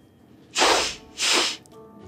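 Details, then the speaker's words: Person with Tourette syndrome, who describes involuntarily sniffing and pulling a sweater up to the nose, makes two quick, forceful nasal sniffs in a quiet room; sniffing tic. "remonter mon chandail jusqu'à mon nez et suit mon nez même si absolument rien - meetic séquelles je renifle donc et c'est vraiment un génie flamand ordinaire"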